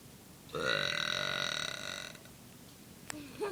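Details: A person's single loud, sustained, voiced belch lasting about a second and a half, then a quiet room; burping.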